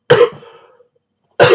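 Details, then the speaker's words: Person having coughing fits for about an hour, with a very sore throat, not helped enough by medicine, tea and hot water: two sharp, dry cough bursts with no mucus rattle; dry, unproductive cough. "but yes um my throat is absolutely killing me i've been having dry coughing"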